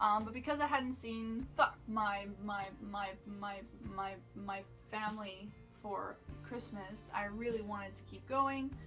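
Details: Vocal tics in an adult woman with Tourette syndrome, who also reports seizures, functional neurological disorder and panic attacks: a repetitive word tic heard as 'my my my my my'.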